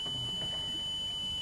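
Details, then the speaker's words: Steady high-pitched pure tone played during audiometry to match a man's tinnitus, which corresponds to his bilateral high-frequency hearing deficit from noise trauma: tinnitus matching tone. "à quoi ressemble ce bruit que personne en temps voilà donc est ce que votre bruit ressemble à ce bruit là monsieur ses plus bas comme ça c'est mieux ouais ça ressemble à ça"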